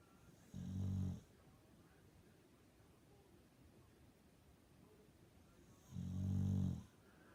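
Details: Boxer dog snoring like a human: two low, vibrating snores about five seconds apart, with quiet breathing between them, during sleep.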